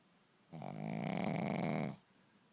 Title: A Dogs JOB is never done...Dog Snoring and i can't wake him up